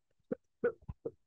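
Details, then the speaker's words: Four short, quiet cough bursts in quick succession, recorded to illustrate cough as an asthma-attack symptom alongside wheezing, breathlessness and chest tightness. "pero es que es que la presentación la tengo con el con unos sibilancias que que grabamos el de la tos es en sí se escucha bien fuerte"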